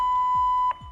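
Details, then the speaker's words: ZOLL AED 3 in a demonstration rescue sounding a sustained steady electronic tone that cuts off abruptly as the shock is delivered after a shock was advised. "shock delivered if a shock is advised be sure you are not touching the victim and then press the flashing shock button"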